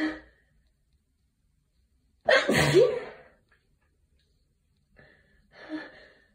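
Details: Tired person with allergies sneezing into a tissue: one forceful sneeze after a sharp intake of breath, then quieter sniffing and breathing.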